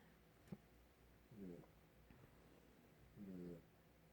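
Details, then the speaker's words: Dog snoring in the background while its owner sits indoors stitching: two low, rumbling snores a couple of seconds apart, with faint clicks in a quiet room. "can hear my dog snoring in the background"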